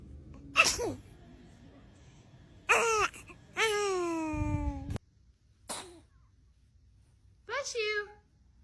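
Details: A baby sneezing: a few short, sharp infant sneezes, each followed by a small voiced cry, separated by quiet pauses.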